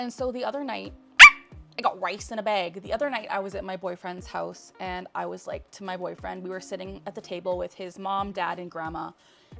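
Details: Vocal tics from Tourette syndrome in a 27-year-old woman diagnosed at age 12; she has a barking tic and says she usually suppresses her tics.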